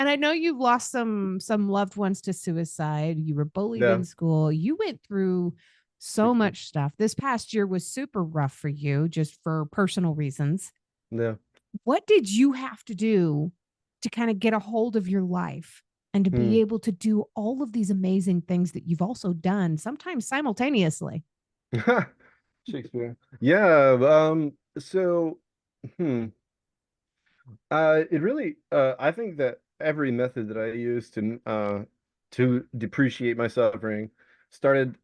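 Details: Vocal tic of Tourette syndrome in an adult man diagnosed with Tourette's; a repeated tic word interrupts his speech.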